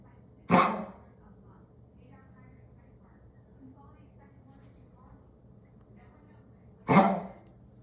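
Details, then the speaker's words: Dog named Dex, owner reports it happens after climbing or descending stairs, walking outside, getting up from sleep or drinking water: two harsh, honking cough bursts about six seconds apart in a quiet room; repeated coughing. "This is ridiculous. He does this every time he either comes up the stairs or down the stairs or walks outside or gets up from sleeping or has a drink of water."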